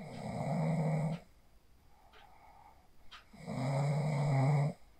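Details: Person asleep after practising the 4-7-8 breathing technique, recorded on a phone: two long, harsh, vibrating snores on breathing in, separated by a quiet pause; loud sleep snoring.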